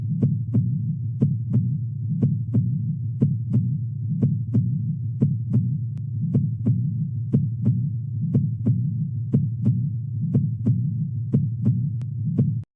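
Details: Normal heart sounds at 60 bpm timed to the cardiac cycle (parasternal long-axis view): paired lub-dub over a low hum; S1 mitral closure starting systole, S2 aortic closure starting diastole.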